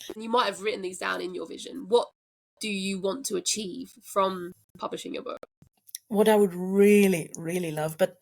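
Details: Adult woman speaking; plain speech.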